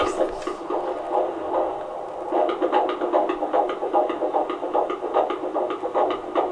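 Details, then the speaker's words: IVF pregnancy, heard by a midwife on Doppler after about a minute of searching: a brief scratchy probe noise, then rapid whooshing pulses at roughly 150 per minute; fetal heartbeat. "i just want to hear this heartbeat and eventually like they found it fortunately and we'll play that clip"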